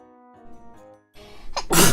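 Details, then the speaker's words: Streamer announcing she has to sneeze over soft background music: a brief noisy intake of breath, then one sharp, loud, explosive burst of air, a single sneeze. "hi connor hello i have to sneeze i want to sneeze"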